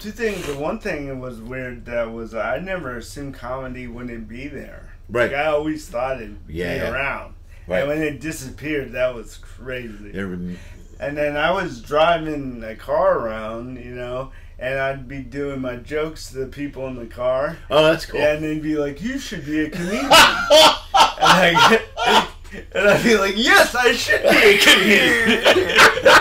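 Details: Adult man, a comedian and father of two teenage boys, born with cerebral palsy, who says he sounds like this all the time; dysarthria from congenital cerebral palsy.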